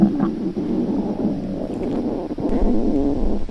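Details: Continuous low gurgling rumble with shifting pitch from a girl's stomach, hungry during class after skipping breakfast before body measurement; stomach growling (borborygmi).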